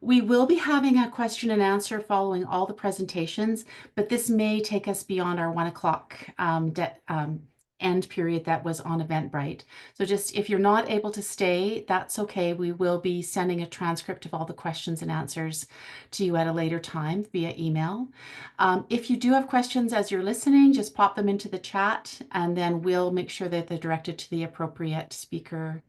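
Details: Adult woman; normal speech.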